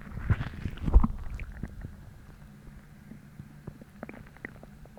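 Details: Stomach growling about twenty minutes after a hollow, empty feeling replaced heaviness and bloating from a big dinner the night before; low gurgling rumbles, loud at first, then fading to faint bubbling; borborygmi.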